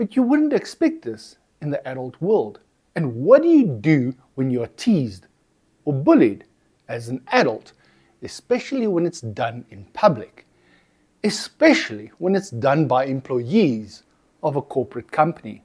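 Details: Adult speaker; typical fluent speech.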